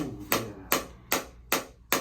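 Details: Sharp, regular clicking pulses, about two and a half a second, from a shockwave therapy device on the left SI joint, hip and lower back. This is the second session for a runner with a history of sciatic nerve damage, who reports feeling about 2–4.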